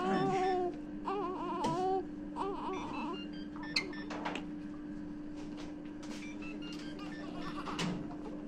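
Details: Brief wavering cries and whimpers from a newborn just after birth, over a steady hum and faint background beeps; an ordinary newborn cry.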